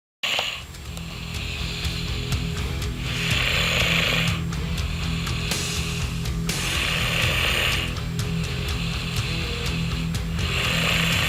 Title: EG SNORING